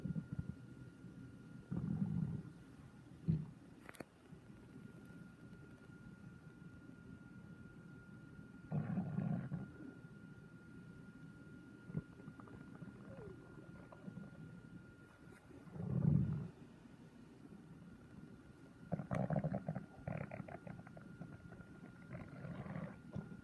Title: Listen can you hear is your stomach growling